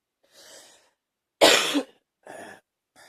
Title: # 58 coughing hard #2